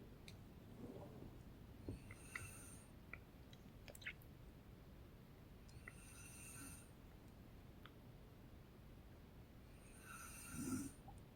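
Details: Mother snoring during sleep: three slow breaths about four seconds apart, each with a rough hiss; snoring.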